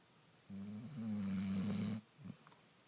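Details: A single long, rumbling, buzzing snore of about a second and a half with a short snort after it, from a sleeping dog.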